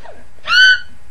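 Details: The person's own real, not faked, hiccups, said to last a while: a single sudden high-pitched squeaky, almost whistle-like hiccup in a quiet room; hiccup.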